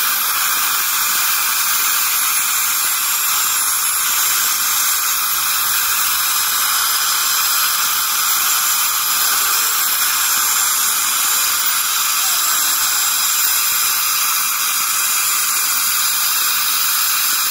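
Continuous high-pitched hissing whine with water spray, an ultrasonic dental scaler removing tartar during routine scaling.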